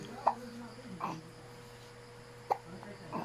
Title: Baby Hiccups #baby #babyhiccups